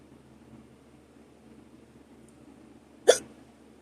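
A single abrupt, short hiccup against a quiet background.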